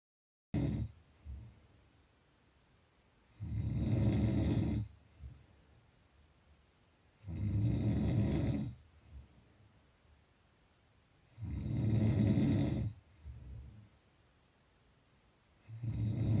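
Loud low rumbling snores on each breath in, about 15 a minute, with quiet pauses between; ordinary snoring.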